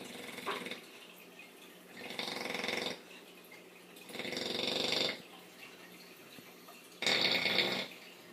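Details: Female bully-breed dog snoring like a pig: loud, rattling snores on three inhaled breaths, separated by quiet pauses, with faint room noise between.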